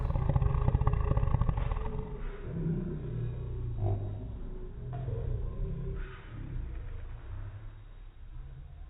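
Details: Snoring from a man.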